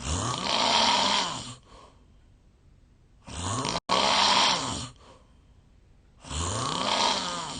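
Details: Real snoring audio recorded 8 years ago from a Japanese adult, then thinner, who suspects a long-standing sleep disorder: very loud, harsh rattling snores on each inhale, about 18 a minute, with quiet pauses between.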